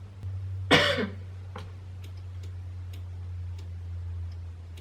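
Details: Faked cough by a woman staging a coughing-up-blood prank on her boyfriend after recent wisdom tooth removal: one harsh single cough over a steady low room hum, then faint clicks; acted, not real illness.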